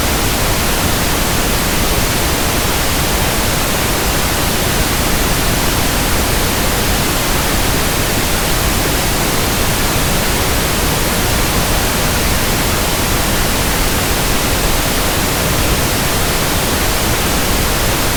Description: Pink noise sound for tinnitus sound matching, ringing in ears, pink noise comparison, and tinnitus frequency testing.